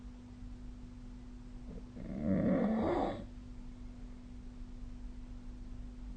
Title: 🐽 いびきの音 / Snoring Sleep Sound 2025/05/23